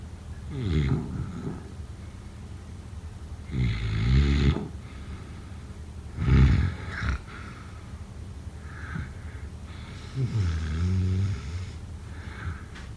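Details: Snoring during sleep: four loud, low, vibrating snores, one on each in-breath, about every three seconds, with quiet breathing between.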